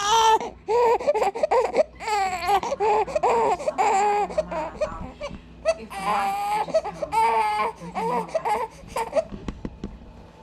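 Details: Repeated rhythmic wailing cries with brief breaths between from a one-month-old baby boy crying for his bottle; a young infant's hunger cry with soft background noise.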